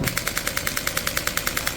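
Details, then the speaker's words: Radial shockwave therapy handpiece firing rapid, regular sharp taps at about 10 per second during a demonstration of knee-pain treatment, releasing stiff muscle, fascia and trigger points along the muscle direction. Radial shockwave device firing. "이제 방사형 포인트는 이렇게 근육이 많이 굳어 있거나 아니면은 뭐 이렇게 이게 금막 자체가 좀 굳어 있거나 이런 아니면 좀 이게 이게 통증점이 잡히거나 요런 부위들이 있습니다."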